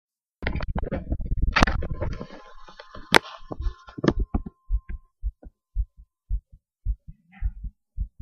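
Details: Rustling handling noise, then regular dull thumps at about 110 a minute, recorded right after standing on the head; fast but regular normal heartbeat.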